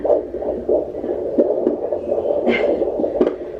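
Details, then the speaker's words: Fetal heart tones on Doppler with movement noise, slowing from about 160 after fetal movement to a normal baseline of 149 a minute, as expected. "Starting to slow down a little bit. There we go. And there's his baseline. So he did exactly what I would expect him to do. He sounds great."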